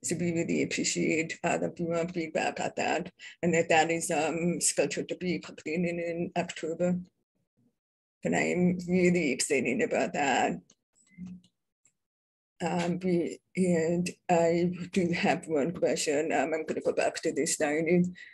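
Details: Adult deaf speaker, self-identified as a deaf person with a deaf accent, speaking at a public presentation; deaf speech (deaf accent).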